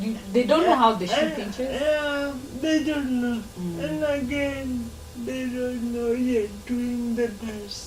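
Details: 26-year-old woman with lifelong cerebral palsy; she reports her speech makes her hard to understand, though she remains verbal; dysarthria (cerebral palsy).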